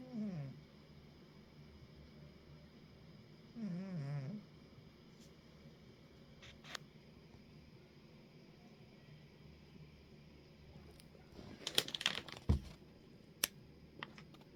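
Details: A female named Tux, species not stated, snoring lightly: two brief, soft, buzzy snores, then quiet with scattered clicks and rustling.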